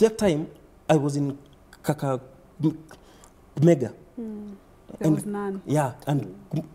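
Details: Stuttering (stammering) in a man under 30 who reports repetitions, blocks and prolongations, and adding syllables to words.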